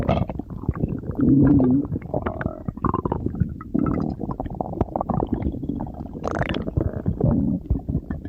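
Continuous gurgling, bubbling rumbles with a few louder growls throughout; ordinary stomach growling.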